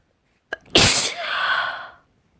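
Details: Deliberately unstifled sneeze: a brief catch of breath, then one loud explosive sneeze trailing into a voiced exhale; a single ordinary sneeze.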